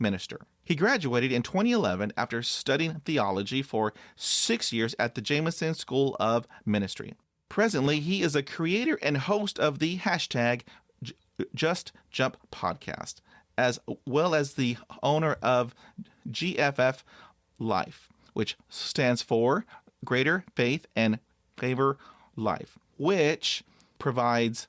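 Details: Adult male with overt stuttering with blocks, who says he stops breathing during long blocks; stuttering with blocks and prolongations.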